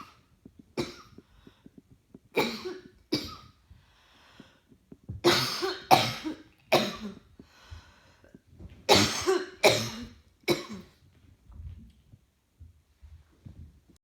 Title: Coughing clips while trying to work. Feeling rather hot today